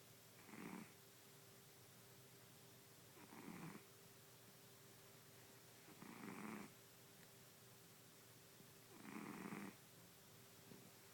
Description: My beautiful fat Topsy snoring